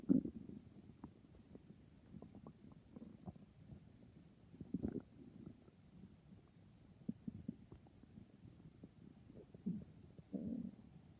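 Quiet gurgles, squeaks and bubbling rumbles that come and go in a still room: stomach growling.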